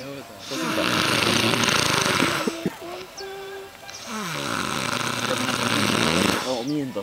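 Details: Heavy snoring from a sleeping drunk adult: loud, rough snores with long rattling breaths over a tonal musical background.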